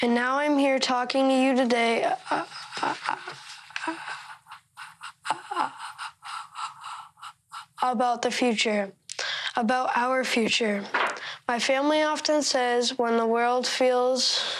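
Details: 13-year-old boy who stutters, taught to mark his speeches to make them easier to say aloud: stuttering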